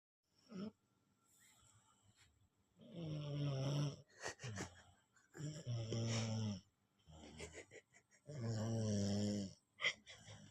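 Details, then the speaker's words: Child said to be 3–4 years old snoring in sleep, said to sound like an adult man: loud, rough snores on each breath, about 22 a minute, deep rattling tones in a quiet room; snoring. "Ana 3 4 tahun cuk [mendengus] ngornya kayak bapak-bapak."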